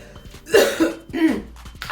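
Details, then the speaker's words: Two loose, rattly coughs from an adult with a cold lasting about two months, who suspects bronchitis; wet productive cough. "I don't usually get phlegmy. But here I am, I should say, filled with a cold, or should I say bronchitis, because I also know the differences in, kind of cold that's going on."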